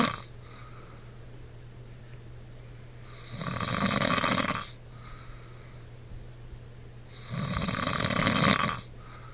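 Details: An adult man, a husband who snores every night, asleep: two loud, rough, rattling snores on inhalation separated by quiet pauses, over a steady low room hum; ordinary snoring.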